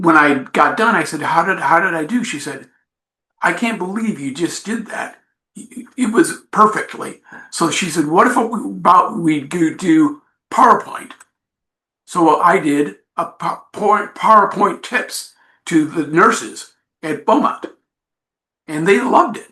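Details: Adult male attorney with aphasia and apraxia of speech after a stroke at age 41 with no warning; the aphasia began as global, then Broca's, and is now milder; he finds the apraxia worse.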